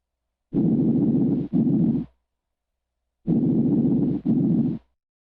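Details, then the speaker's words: Normal breath sounds over the lung apex on the anterior chest wall: two soft, rushing breath cycles, louder in early inspiration, with a longer inhalation and a shorter exhalation. "los ruidos respiratorios normales que se escuchan sobre el apec del pulmón suenan como sigue"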